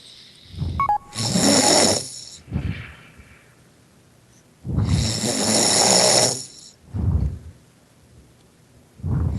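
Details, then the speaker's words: Loud, harsh snoring from a person who fell asleep during a Skype call, heard over the call line: long rattling breaths in, short breaths out, slightly distorted. "that's such loud snoring what's that coming out of his no that much no is the game it's your when you fall throat when you breathe the air makes it vibrate snore"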